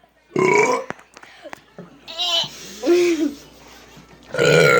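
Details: Child and father in a deliberate burping contest: two loud, rough burps separated by brief voiced sounds; harmless eructation.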